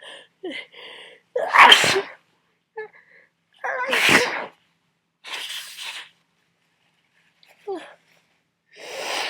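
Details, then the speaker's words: Adult with a heavy cold, about a week in: fits every couple of hours of loud, wet, explosive, very messy sneezes that feel impossible to control. Each has a sharp intake and is followed by sniffs. Stifling makes them worse. "I would try to stifle these, but I don't think it's possible. Especially since for me stifling makes it worse."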